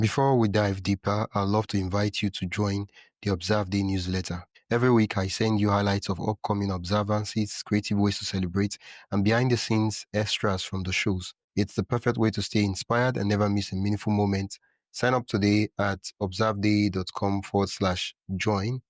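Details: Adult speaker, possibly synthesized voice; normal speech.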